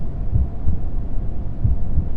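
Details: Simulated heartbeat sound effect for a horror ASMR story: soft, deep paired thumps over steady low brown-noise rumbling.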